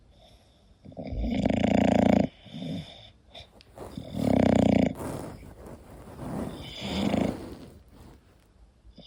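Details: English bulldog sleeping: loud snorting snores with rough, rattling breaths in and out, repeating several times; heavy snoring.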